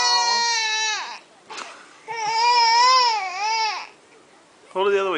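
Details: Infant crying during feeding and burping: loud, high-pitched wailing cries in long bursts with brief pauses for breath; ordinary infant crying.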